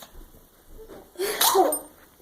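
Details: Yorkshire Terrier having a sneezing spell: a faint snuffle, then a single sharp sneeze burst.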